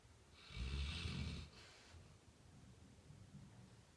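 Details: Sleeping Labrador snoring: one low, rough rumbling snore lasting about a second, then quieter breathing with a faint rattle.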